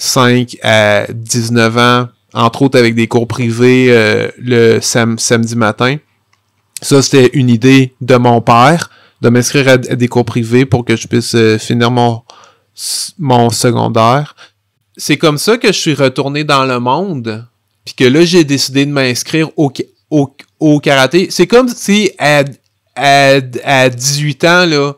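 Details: Stuttering in an adult French-speaking man who has stuttered since childhood; real, developmental stuttering.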